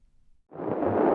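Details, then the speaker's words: Brief rising swoosh of fetal movement heard on a home BabyBeat fetal Doppler, possibly the baby shifting position. "foreign fetal movement maybe your baby is waving at you or just getting more comfortable"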